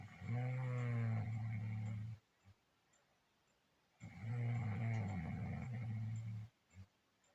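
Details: Two long, deep, rattling snores with quiet pauses between them, about 16 breaths a minute, reportedly from a sleeping husband; loud snoring.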